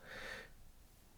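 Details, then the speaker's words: Snoring from a sleeping dog about 10 years old: a single rough, snorting breath followed by quiet, low room noise. "not dead she's just sleeping you can hear her snoring she's always there"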